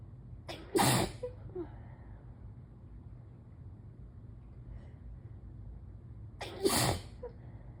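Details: Intense morning allergy sneezing: two forceful sneezes, each with a brief inhaled build-up and a sharp explosive burst, in a quiet room.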